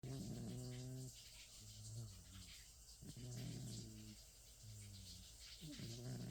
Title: Sabre the 27 year old cat snoring and twitching in his sleep.